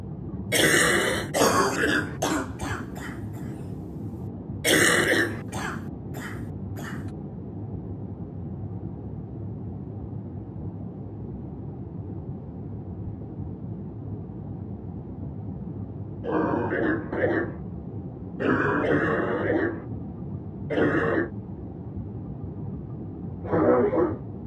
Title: another bronchitis cough